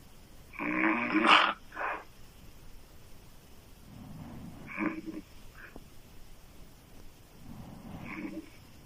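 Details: Adult woman snoring with open mouth: irregular harsh raspy snores, the first loud and later ones softer, over quiet room noise.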